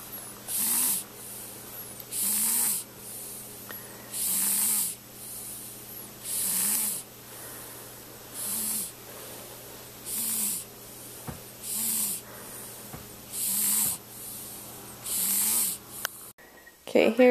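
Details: A newborn baby asleep in the hospital snores softly: nine hissing, snorty breaths over about sixteen seconds, roughly 33 a minute, with faint room noise; newborn snoring.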